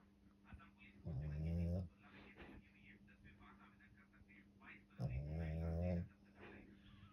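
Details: Snoring during sleep: two low, buzzing rattles in about seven seconds, with soft noise between them; speech follows.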